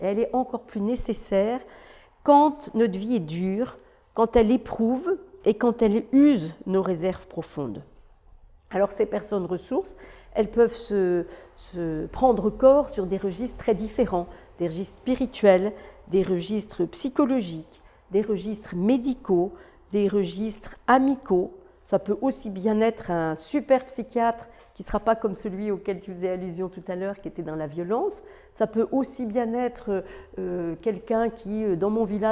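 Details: Adult woman speaking; typical speech.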